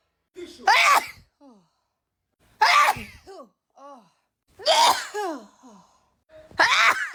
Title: my favorites are definitely when i had back to back sneezes :) #shorts